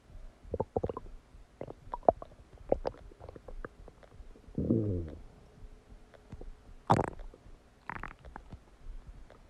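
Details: Ordinary digestive bowel sounds after eating a cheeseburger: quiet, scattered gurgles and pops with a few louder low rumbles.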